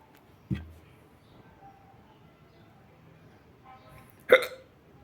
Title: hiccup closer